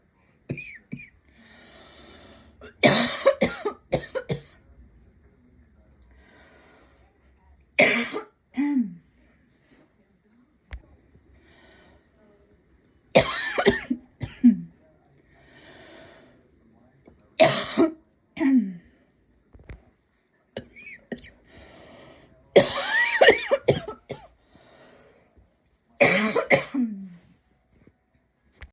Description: just a little dry air cough, not sick or anything.